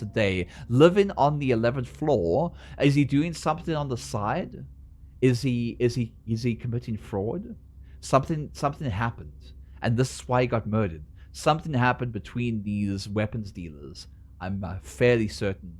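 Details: Adult male who says his speech impediment appears when he is nervous or concentrating and goes away once he is no longer nervous. Stuttering-like disfluency.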